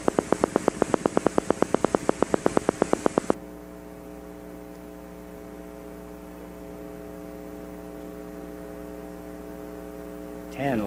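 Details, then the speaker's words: Needle EMG teaching example: regular crisp pops from a single motor unit firing semi-rhythmically at about nine hertz, then a low steady hum: normal motor unit recruitment. "but on average this is about nine Hertz okay still normal"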